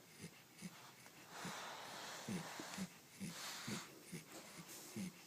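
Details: Snoring from a sleeping Corgi puppy: rapid, rhythmic snorting breaths with a light squeaky edge, about 67 a minute.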